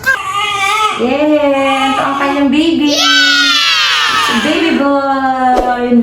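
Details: Strong, sustained cry of a newborn baby boy just after a normal vaginal delivery at a lying-in clinic, with meconium noted; loud and clear-pitched over room noise.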